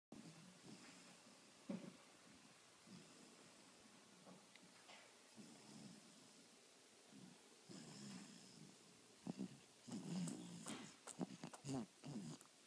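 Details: Person asleep, recorded quietly: uneven rasping breaths with soft snorts, louder toward the end, against room hiss; snoring.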